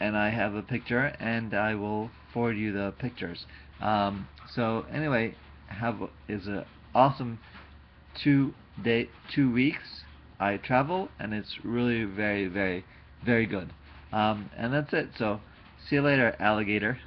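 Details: Adult man speaking; aphasia.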